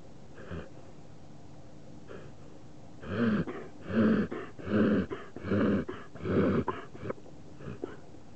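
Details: A hunting dog, Paxton, having trouble with her nostril: a rhythmic run of loud snorting inhalations, a reverse sneezing episode.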